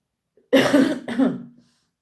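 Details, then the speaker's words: Adult who says their chest feels chesty and they can hear it wheezing: two short, loose coughs in quick succession with a slightly throaty, voiced tail. "I feel a bit chesty. I can hear my chest wheezing."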